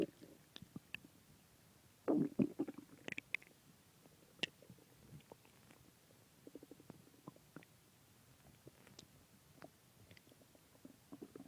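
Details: Stomach growling (borborygmi) after a large pizza and two ice creams: gurgling, bubbling growls with a louder rumble and scattered small pops and clicks.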